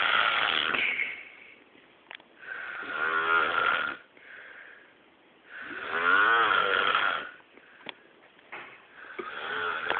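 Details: Loud, fluttering, somewhat whistling snores about every three to four seconds, rising and falling with each breath; heavy snoring.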